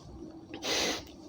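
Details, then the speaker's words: Single harsh, noisy, effortful breath in a child over low hum, demonstrating noisy breathing as a danger sign of respiratory distress, with possible causes named as pneumonia, throat swelling or obstruction, or a foreign body in the trachea. "ना कि फूलना और सांस ले time उसकी सांस की नलियों में से आवाज आना है"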